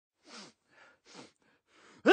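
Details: Male sneeze sound-effect recording: several short, quick in-breaths in a row, a gasping intake like catching the breath before a sneeze.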